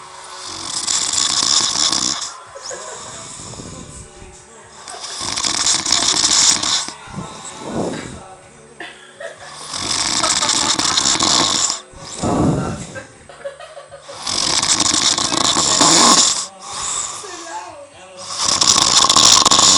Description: He snores...then he snores some more, you think it is over and then NO...he snores again